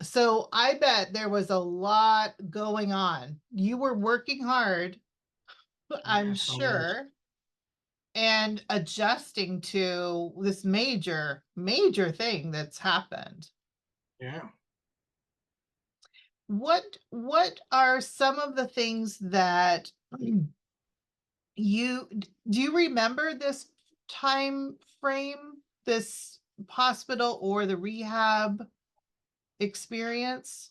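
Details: Adult interviewer; typical speech.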